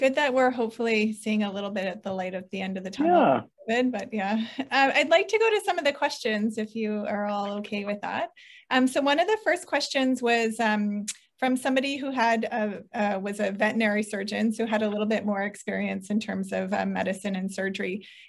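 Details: Adult woman speaking; Normal speech.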